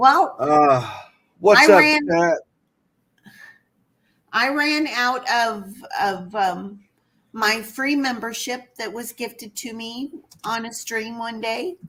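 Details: Adult male who says he has a speech impediment, a stutter, and formerly avoided talking out of fear; stuttering.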